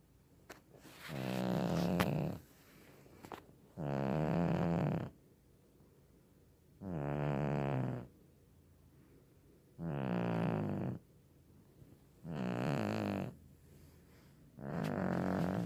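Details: Sleeping cat: regular low rumbling snores, about six in fifteen seconds, each about a second long with quiet pauses; ordinary sleep snoring.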